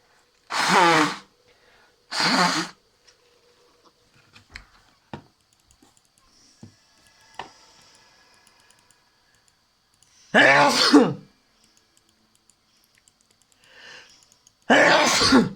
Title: I sneeze while playing Teamfight Tactics